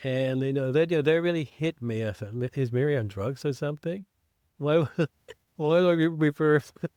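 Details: Man who identifies as a person who stutters, with self-described blocks and prolongations, speaking English as a podcast co-host; real. Finding: stuttering.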